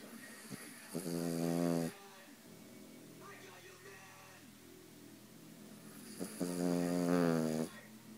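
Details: Dog worn out after the day, sleeping: two long, buzzing, rattling snores on breathing in with quieter breathing between; loud snoring.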